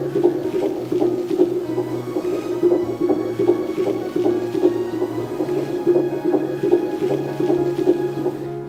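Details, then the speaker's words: Fast, regular, strong thumping or whooshing beats at about 155–160 per minute, heard on a COFOE JDB-100A handheld fetal Doppler with music playing over them; normal fetal heart sounds. "胎心音是节奏比较快的有力的咚咚声或者轰轰声。"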